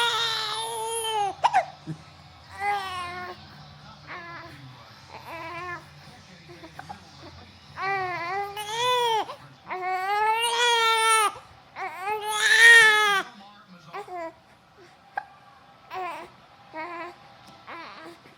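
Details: Newborn baby boy crying, upset at having hiccups: repeated bouts of high-pitched crying with breaths and whimpers between them, faint room noise.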